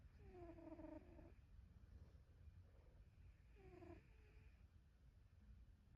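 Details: A sleeping pet cat makes soft rumbling breaths with a whistling, squeaky snore about every three to four seconds, an ordinary snore.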